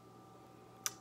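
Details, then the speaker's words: Person with Tourette syndrome cracking their neck as a tic: a single sharp crack near the end over quiet room hum; neck joint pop. "Quick edit. So with my shoulder, I also go like this a lot. And basically cracking my"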